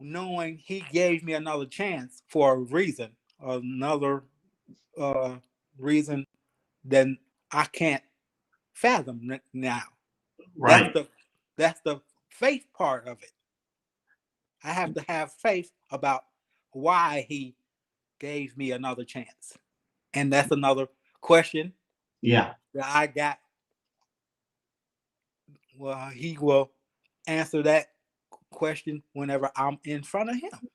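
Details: Aphasia in a 52-year-old man, 3 years after an ischemic stroke, still working on his speech in a real conversation.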